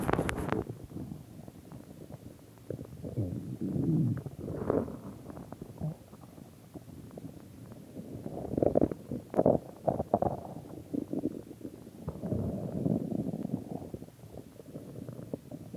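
Irregular low gurgles and rumbles that swell and fade over fifteen seconds. Ordinary stomach growling from gas and fluid moving through the gut.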